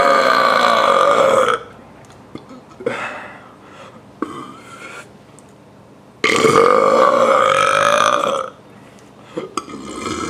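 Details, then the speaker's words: Voluntary burping demonstration, swallowing air down to the stomach and letting it out, easier standing: two long, loud, drawn-out voiced belches separated by a quiet pause. "hello this is today I'm going to show you how to burp step one take air to your throat to your stomach step 2 let it out"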